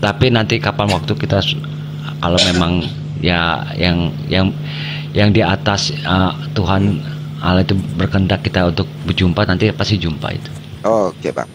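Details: Adult man speaking Indonesian, over a call line; Normal voice.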